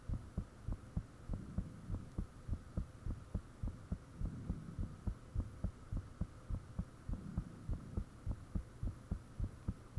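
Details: Own heartbeat self-recorded with the fan off, shortly after the heart began feeling very thumpy; valve and blood-rushing sounds noted. Regular, strong low thuds at about 100 a minute with a faint steady hum.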